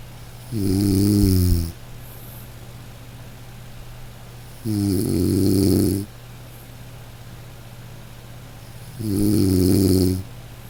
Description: Close your eyes and listen to snoring Breath Relax …